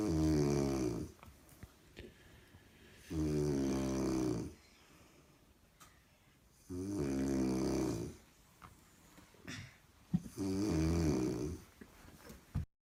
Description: My aunt takes a nap on the couch and her snoring continues to be really loud and my poor dog is sleeping next to her!